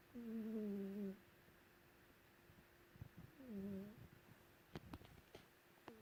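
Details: Sleeping female cat under a blanket snoring loudly: two drawn-out, buzzy, slightly tonal breaths about three seconds apart, with faint room hum and clicks.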